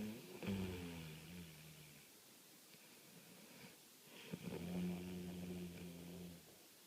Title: Snoring, roll over